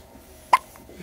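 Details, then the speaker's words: Two-day-old baby girl lying in a parent's lap, hiccuping repeatedly and not bothered: a single sharp, brief gulping sound in a quiet room; hiccup. "So she's laying in my lap, hiccuping like a crazy girl. Hiccup, hiccup."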